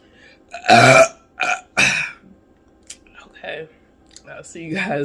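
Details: Burping after drinking Coca-Cola: two loud, low, gurgling belches in quick succession, then quieter mouth sounds and a soft voiced breath.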